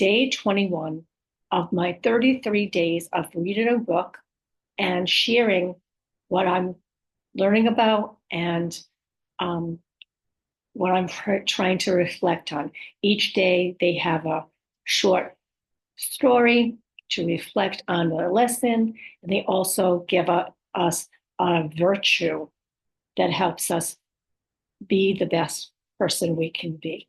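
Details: Adult woman with aphasia, apraxia of speech and dysarthria after a stroke, speech sometimes hard to understand, in ongoing speech therapy; aphasia with apraxia of speech and dysarthria.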